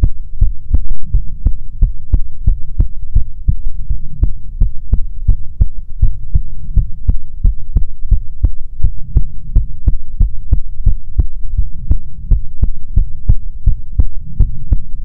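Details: Normal heartbeat recording for ASMR: steady, regular thumps at about 140 a minute over a low continuous hum.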